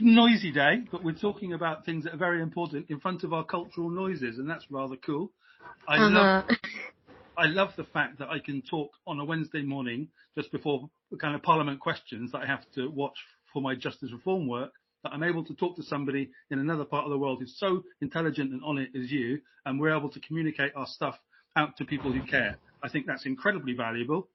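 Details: Adult man who has stammered since age five; speech improved with therapy and modification techniques but he still stammers (stammering)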